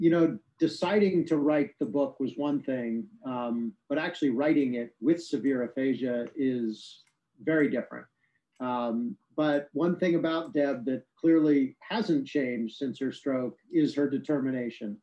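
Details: Adult male narrator; normal speech.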